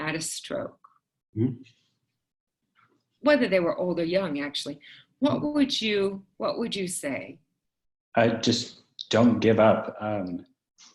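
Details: Adult speakers in conversation; typical speech.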